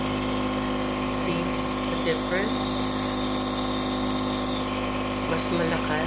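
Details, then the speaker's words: Surgitech mini nebulizer compressor running with clean water for a demonstration: a steady mechanical hum and buzz, with faint voices in the background. "i just plug the compressor in and see how it works now it's really working"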